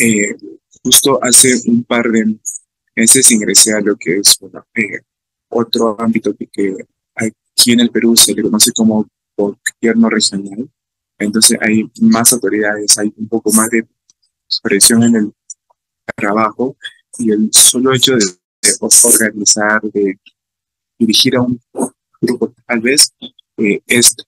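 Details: Stuttering in an adult male Spanish-speaking psychology student from Peru who stutters, recorded giving a talk about his own stuttering experience at a stuttering festival.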